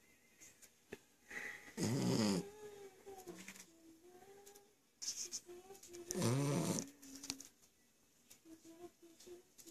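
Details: The family's youngest member snoring surprisingly much: two rattly snores about four seconds apart, with soft squeaky sounds between them and quiet room noise; snoring.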